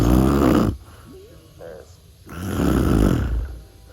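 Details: Loud, rough snoring breaths from a sleeping father in the background, with a quieter pause between and faint talk and room sound; snoring.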